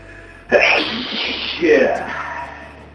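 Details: Two forceful, harsh sneezes in quick succession, each a sharp burst with a trailing breathy release, over soft background music; sneeze.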